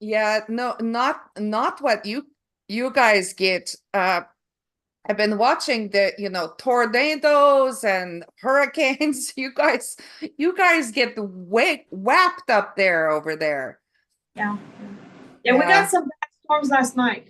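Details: Woman after a stroke who first had aphasia, with loss of numbers and sequencing, and later developed foreign accent syndrome; word-finding difficulty; foreign accent syndrome with aphasia.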